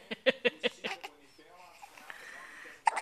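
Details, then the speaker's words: 13-day-old baby boy: a run of five or six short, sharp, evenly spaced hiccups, then soft infant vocalizing; hiccups. "Yeah, I had the hiccups and it stinks. Stinks. It stinks."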